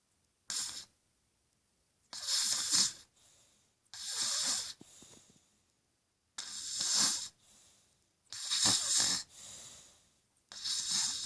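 Harsh, hissing snores on each breath in, with softer breath-out sounds, about one every two seconds.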